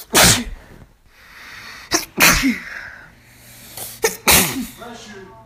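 Three forceful sneezes in quick succession, each a sharp explosive burst with a quick breath in before it, then a faint voiced sound at the end.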